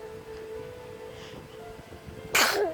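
Quiet room with a faint steady hum, then one abrupt explosive burst of air near the end; a single sneeze.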